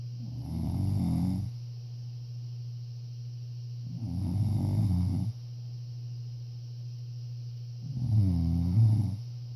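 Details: Person snoring during sleep.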